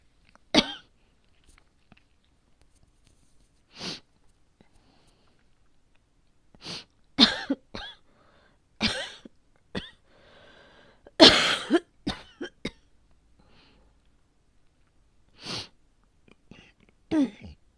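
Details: About a dozen short, dry coughs, single and in brief bouts, from an adult woman with known asthma who says it may be flaring today, at the change of seasons.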